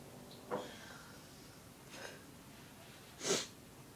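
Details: A cat with the sniffles sneezing: three short, sharp nasal bursts, the last loudest, over quiet room noise.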